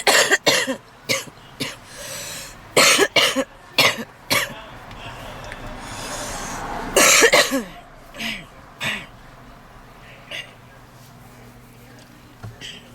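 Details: Woman smoking in a car with intense coughing and deep, heavy wheezing on almost every inhale: repeated harsh, forceful coughs in clusters with a long noisy breath between bouts; smoker's cough.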